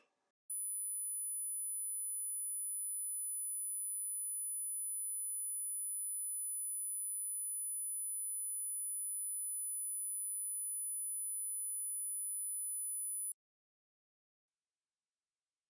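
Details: Song mix played with and without its high-frequency content at 15 kHz and above, demonstrating what is lost with age-related high-frequency hearing loss.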